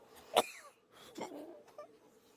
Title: 누가 기침 소리를 내었는가? ㅋ